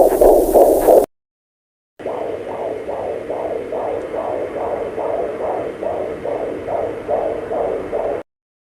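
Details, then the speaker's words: Handheld fetal Doppler with the probe on gel over the pregnant abdomen: rapid, regular whooshing galloping beats, about 150–190 a minute. This is the baby's heartbeat, told apart from the watery uterine souffle. "और दूसरा जो आवाज आता है लब डप उसको हम बेबी के हार्ट बीट कहते हैं चलिए अब हम वह आवाज देखते"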